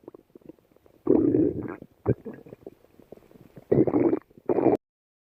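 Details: Stomach growling (borborygmi) from two people: irregular low gurgling growls in several bursts, with quiet bubbling between them.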